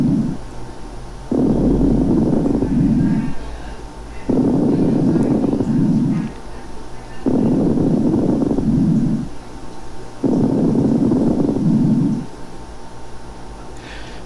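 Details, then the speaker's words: Coarse crackles (subcrepitant, medium-bubble, "gross" rales) on chest auscultation: loud bubbling, much louder than fine crackles, in both phases but mainly inspiratory, with a trailing tail of larger bubbles at the end of expiration. "como son predominantemente inspiratorio es como les dije ahorita sin embargo si le ponen atención al final de la expiración se escucha como una estela como una colita de burbujas estas burbujas por supuesto son más grandes que las de los crepitantes"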